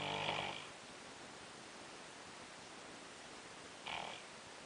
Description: more sleep apnea time 3am